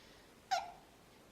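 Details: A single sharp, brief, squeaky hiccup against quiet room noise.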